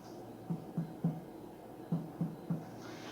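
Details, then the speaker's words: Abdominal percussion over the right upper quadrant above the costal margin: short, flat, low taps with little ring, the dull note of the liver (hepatic dullness). "selanjutnya kita periksa perkusi pada microwave pula kanan di atas kosta Ayo kita dengarkan suara pekat"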